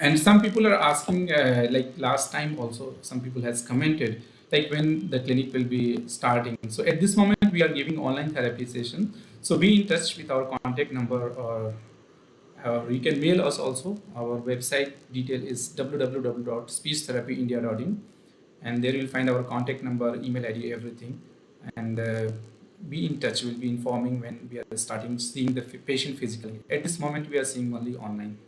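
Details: Adult man speaking; normal adult male speech.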